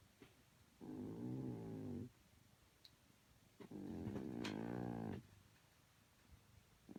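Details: Household's oldest cat snoring while asleep: two long, low, buzzing rumbles on slow breaths, separated by quiet pauses.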